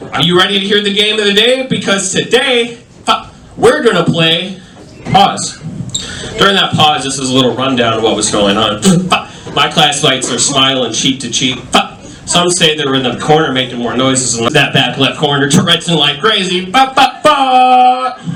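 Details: Adult male stand-up comedian with self-reported Tourette syndrome, including involuntary yelling of bad words and tic noises; live comedy set; vocal tics (Tourette syndrome).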